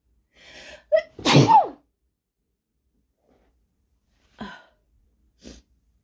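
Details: Induced sneezing from a female, quick phone recording: a short inhaled build-up, one forceful explosive sneeze, then two short softer sneeze-like bursts after a pause.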